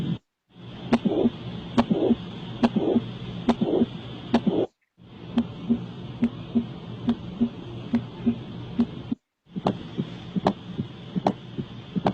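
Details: Regular paired heart sounds near 70 a minute with a soft whooshing sound between beats: heart murmur.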